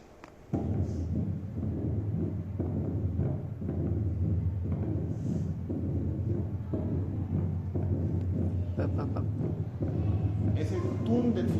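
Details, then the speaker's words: Teaching recording for valvular heart disease: tricuspid stenosis, a diastolic murmur with an opening snap from the atrium forcing blood through the stenosed valve; tricuspid stenosis murmur. "Por ende, este también va a ser un soplo diastólico."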